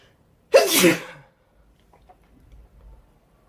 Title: 2 minutes of me sneezing